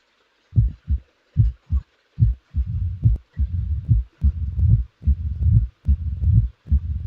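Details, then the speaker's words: Mitral stenosis teaching example: a loud first sound and a low rumbling mid-diastolic murmur, about 72 beats a minute, with presystolic accentuation building before each beat and an added opening snap. "loud first sound is followed by a mid-diastolic murmur. The murmur will be introduced after the first few cycles. Now, a pre-systolic accentuation is added, followed by an addition of an opening snap."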